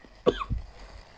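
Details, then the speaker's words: Cough from an adult who says he has fallen ill and apologizes for the cough he can't hold back: a single short, harsh cough with a softer follow-up burst. "господи я извиняюсь за этот кашель просто заболел"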